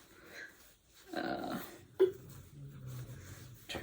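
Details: A sleeping dog snoring in a quiet room: rough, snorting breaths and a low rumbling exhale with a brief click between; ordinary, harmless snoring.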